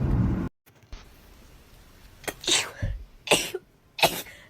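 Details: Young women talking briefly, then three sharp, hissing sneezes in quick succession from one of them; rapid repeated sneezing.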